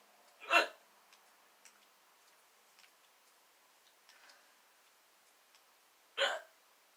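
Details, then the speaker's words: Hiccups in a girl that began after she laughed while slouching. Too much water made them stronger, and acid reflux disease is likely the cause. Two sharp, abrupt voiced hiccups about six seconds apart, with faint clicks between. "Gosh. I swear you're choking somebody. Oh wait, you're choking yourself."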